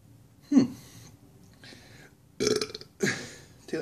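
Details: Three loud, low, gurgling belches in quick succession from a man right after drinking a 30-year-old bottle of New Coke soda; ordinary burping.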